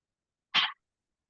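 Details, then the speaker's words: Guided low and slow huff cough within the Active Cycle of Breathing Technique for chronic lung conditions, breath in through the nose: one short, breathy, open-mouthed forced exhalation without cough closure, to move mucus; huff cough. "I personally am going to do the low and slow huff cough, but have your tissues handy here. And when you're ready, huff cough the way that feels good to you."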